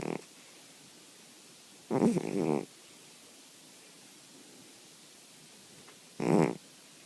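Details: Snoring in a sleeping cat: brief, low, rattling snorts a few seconds apart in a quiet room.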